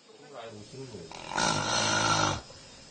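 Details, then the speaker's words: Man in his 40s with severe snoring and sleep apnea during sleep endoscopy, airway narrowed from mouth to throat; a single loud, rough snore on an in-breath as the airway briefly opens before re-obstructing, oxygen dropping to 71%. "심 코고는 소리와 함께 겨우 숨통이 튀이는가 싶더니 다시 막히면서 몸속 산소 수치가 71%까지 뚝 떨어집니다."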